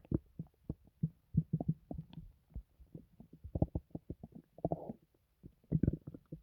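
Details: Loud, painless stomach noises: frequent loud gurgles, pops and bubbling rumbles, recorded after a recent hospital visit; active bowel sounds (borborygmi).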